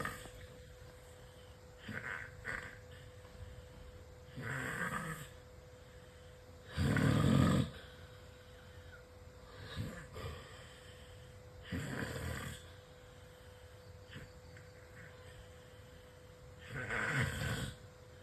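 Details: Loud human snoring: rough snore on each in-breath, roughly 12 breaths a minute, with one louder snore over steady room hum.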